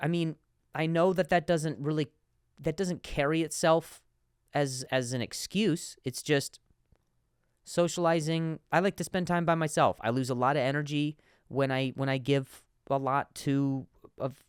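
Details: Adult man who stutters and says he has a difficult time saying certain words on some days; stuttering.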